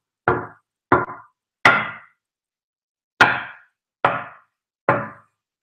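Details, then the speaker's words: Simulated heart rhythm tapped out by a cardiologist explaining palpitations: a normal beat, then an early ectopic extra beat followed by a long compensatory pause almost twice the usual interval, briefly halving the effective heart rate. "now what happens with the next topic is you get boom boom and then because this extra beat has come from somewhere else your pacemaker has to wait for that Echo to die down and then it has to wait much longer so almost twice the time so you get this"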